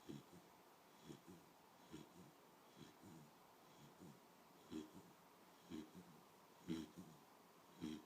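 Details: A sleeping dog snoring lightly: soft, repeated snuffling snorts about once a second in a quiet room.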